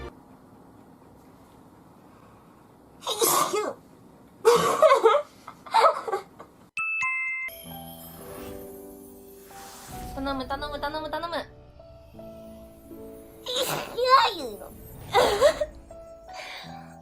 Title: Cute Japaneze girls sneezing くしゃみ35